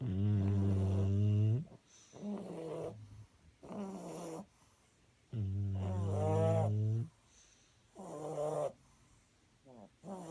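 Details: Loud rumbling snores with gurgling on the in-breaths, about five in ten seconds, from sleeping bullies: dog snoring.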